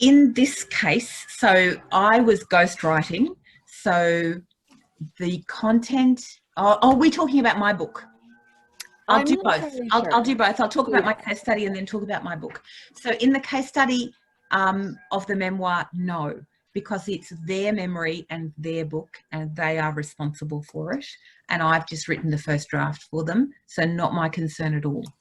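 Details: Adult woman; normal speech.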